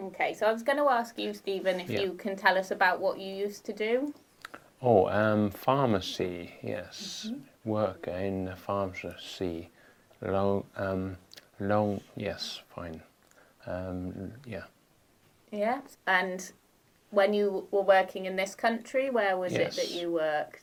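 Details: Adult man with aphasia after a stroke, speaking in conversation where the partner is not using supportive communication strategies; aphasia.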